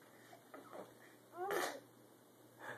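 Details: A single sharp, sneeze-like burst with a short voiced lead-in, a young boy deliberately mimicking his father's sneeze, breathing included; a fake, not real, sneeze.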